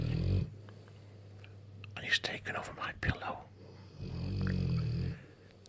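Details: Bullmastiffs sleeping on a bed snoring loudly: low rumbling snores at the start and end, with a short stretch of quiet talk and movement between them.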